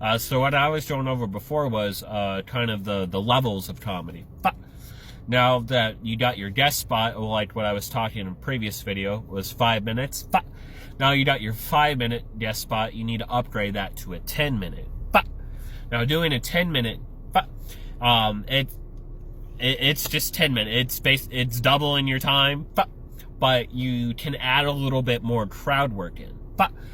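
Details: Adult male with Tourette syndrome; interjections such as 'but' and 'uh' may be tics; vocal tics (Tourette syndrome).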